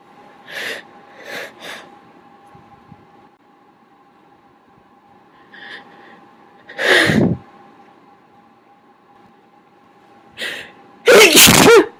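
A run of adult sneezes, several held back and muffled, then two loud, wet full sneezes.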